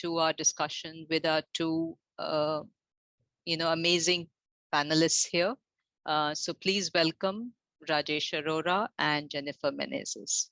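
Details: Adult female host speaking; Normal speech.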